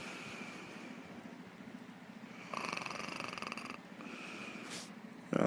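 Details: Soft, steady, rattling breath with a purr-like flutter and a louder snorting stretch midway: a cat snoring while asleep.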